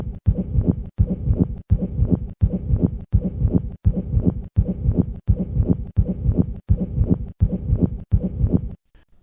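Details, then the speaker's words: Two-component pericardial friction rub from inflamed pericardial surfaces, with high-pitched, scratchy systolic and diastolic components; still audible despite a large pericardial fluid collection. "in summary pericardial friction rubs occur as a result of contact between inflamed pericardial surfaces these sounds usually have two components"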